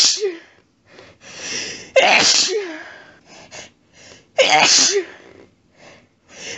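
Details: A female, sneezy all day, set off after a petsat cat curled up under her chin in bed, in an intense fit: repeated loud, wet sneezes in quick succession, each preceded by a short gasping intake.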